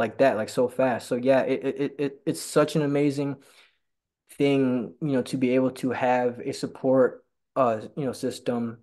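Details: Stuttering in a male person who stutters who attends stuttering support group meetings.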